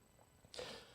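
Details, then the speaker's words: Single dry cough from an adult man with a recurring cough, recorded during a live stream late Monday: after brief quiet, one sudden harsh burst of breath that fades off. "As you can hear me, I'm coughing really well. And actually, it's not too bad now, but I can feel it."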